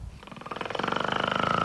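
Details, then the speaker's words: Man who stops breathing about a hundred times a night and whose chest and lungs get too weak to pump air in sleep: loud, rattling, fluttering inspiratory snore, growing louder, with spluttering to regain breath. "he stops breathing a hundred times a night snoring and spluttering to regain his breath"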